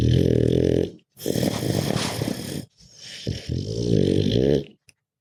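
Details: Loud, rough, rattling snores from a deeply relaxed sleeping dog, with grunting and snorting, long noisy breaths in and out separated by short pauses; snoring.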